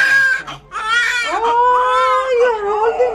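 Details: Newborn boy, about 6 pounds 9 ounces, crying just after vaginal delivery to a first-time mother: loud, strong, wailing cries with a brief pause between them.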